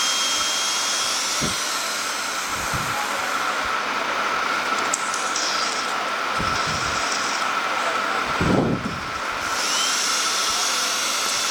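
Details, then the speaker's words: Cochlear implant surgery demonstration in an ear with pure sensorineural hearing loss: steady high-pitched whirring of an otologic drill with brief load changes, as it widens the posterior tympanotomy after a cortical mastoidectomy. "So I am widening the posterior tympanotomy, can see."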